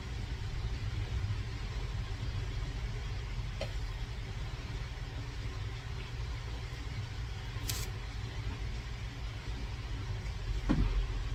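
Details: Automatic blood pressure monitor measuring, steady low motor hum of cuff pumping with faint clicks, in a stroke survivor with left-sided weakness from a right hemorrhagic stroke (April 2023); reading 123/86.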